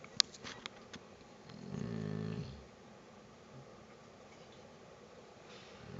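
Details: Pit bull dog snoring like an old man: a single soft, rumbling snore on the breath in after a few clicks, in a quiet room; snoring.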